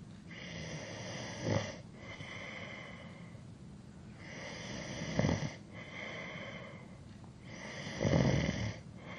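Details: Adult male snoring during sleep: three loud, low, rumbling snores on inhalation, roughly every three seconds over a steady background hum; ordinary snoring, from a 3-hour sleep-sound recording.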